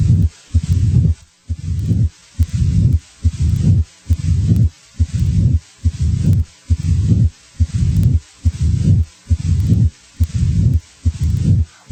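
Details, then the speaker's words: A teaching recording of regular heart cycles at about 60 a minute, each with a low rumble starting shortly after S2 and fading before the next beat, as in mitral stenosis: a mid-diastolic murmur. "a mid diastolic murmur as in mitral stenosis starts a short time after s2 it may fade away as heard here"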